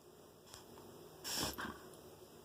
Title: Cbcr reverse sneeze